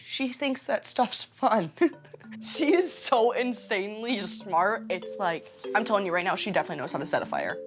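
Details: Adult woman speaking; normal speech.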